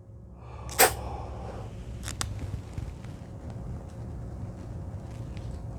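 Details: A single sharp spray burst from a metered dose inhaler, shaken first, inhaled with slow smooth breath and held up to ten seconds; expired inhaler used for demonstration; then quiet slow breathing and faint clicks.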